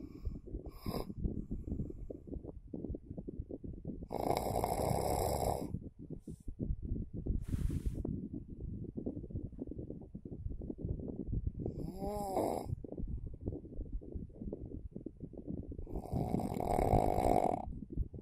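Loud rattling snores on inhaled breaths over background rustle and noise; ordinary snoring.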